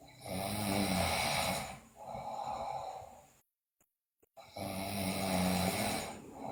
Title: Sleeping Girl Loudly Snore, Bruxism, Delirious